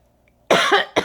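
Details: Adult coughing: after a moment of quiet, two abrupt coughs, the second cut short.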